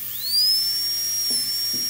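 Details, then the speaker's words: Dental high-speed handpiece run in air as a trial pass before cutting, shown in a handpiece ergonomics demonstration: a high-pitched whine rises quickly and holds steady over a faint hum. "another thing that's really helpful when you're doing difficult areas is do a couple trial passes so hit the handpiece"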